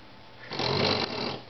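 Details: Special-needs female Beagle in deep sleep who snores loudly, a single short rough noisy breath; snoring.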